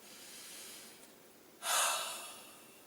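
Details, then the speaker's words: A physiotherapist demonstrates a huff for people with chest conditions and phlegm build-up: a big breath in with shoulders down, then one fast, forceful open-mouthed breath out. This forced expiration technique moves phlegm upward. "i'm going to just remind you what a huff is just now so it's a big breath in keeping the shoulders down and then wide open mouth and a fast breath out"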